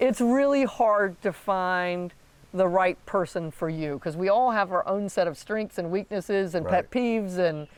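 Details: Adult woman speaking; ordinary speech.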